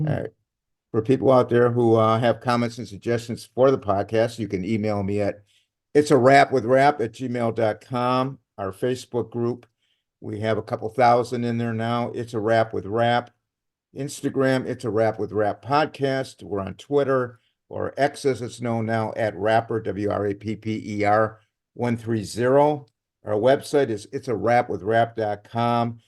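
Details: Adult man; plain speech.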